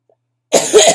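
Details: After brief silence, one harsh, congested cough from an adult with bronchitis complicated by asthma, being treated with prednisone.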